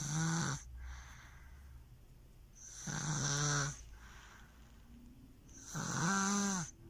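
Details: Female baby snoring loudly: three rhythmic snores, about 20 a minute, with a buzzing, slightly whistling tone on each breath in and quiet breaths out.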